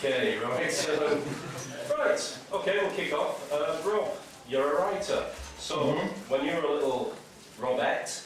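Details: Adult man speaking to an audience; ordinary speech.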